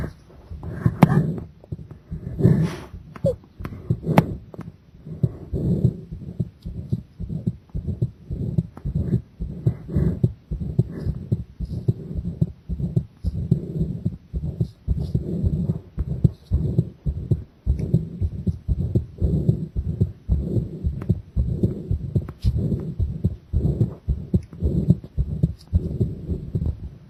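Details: Heart sounds during a strained breath-hold with pressure (Valsalva-type maneuver): steady low heartbeat thumps at about 55 a minute, the rhythm slowing.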